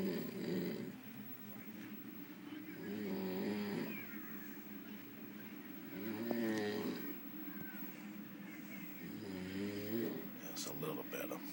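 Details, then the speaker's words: Man asleep on a cruise ship at 6 p.m.: loud, rattling snores on each breath in, about 19 a minute, over steady room noise; ordinary snoring. "I can't deal with this noise it's only 6:00 p.m."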